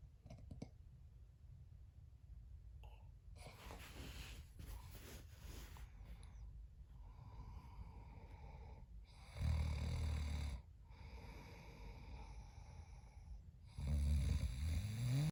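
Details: Snoring in a sleeping adult man, recorded at 2 AM: quiet room noise, then two loud, low, rough snoring breaths.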